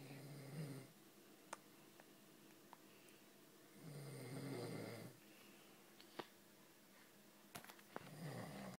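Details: Man (father) snoring: low, rumbling snores on inhalation about every four seconds, with small clicks and room noise between.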